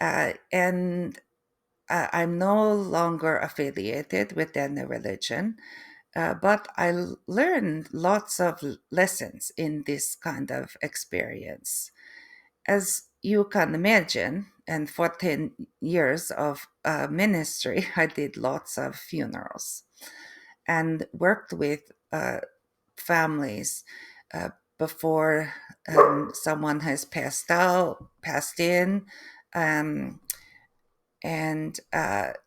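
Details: Adult woman after a stroke: aphasia with difficulty putting words together, apraxia of speech, and foreign accent syndrome beginning 3 months post-stroke; a third-generation Canadian, she feels she now sounds East European.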